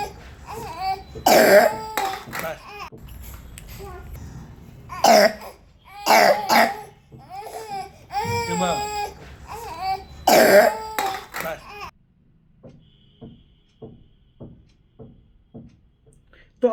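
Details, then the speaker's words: Child with a long-standing cough gives several harsh, deep, barking coughs like a dog barking, described as a deep whooping barking cough, with hoarse vocal sounds in between. "कितना deep cup है कितना barking कफ है है ना ऐसा लग रहा है जैसे कोई कुत्ता भौक रहा हो"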